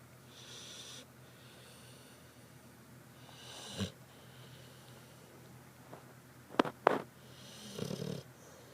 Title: KIRBY snores